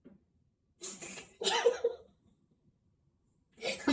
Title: SNEEZE TO THE FACE!!